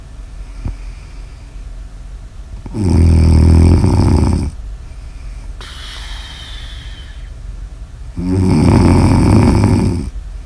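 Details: Snoring in an ASMR sleep recording: two loud, rattling snores on breaths in, with an airy breath out between them.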